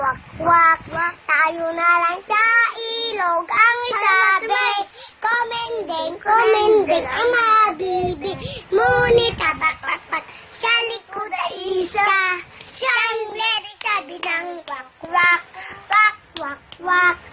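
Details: Young child singing; articulation errors in child speech.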